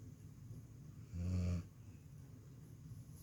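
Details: Andy, a dog in deep sleep: a single low, rumbling snore over quiet background noise; snoring.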